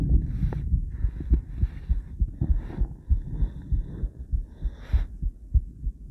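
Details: Female heart recorded by cardiac ultrasound combined with ECG: rhythmic whooshing thumps at about 100 a minute with soft hiss between beats; heartbeat on cardiac ultrasound Doppler.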